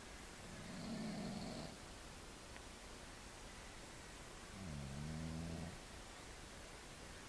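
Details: Two low, rattling breath sounds a few seconds apart over a steady background hiss, recorded on a morning at a lake; snoring in a sleeping cat.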